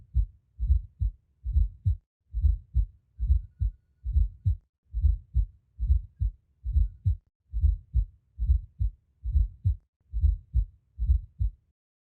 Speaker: so that's a normal hut s4 hot sound rather sorry that's an s for hot sound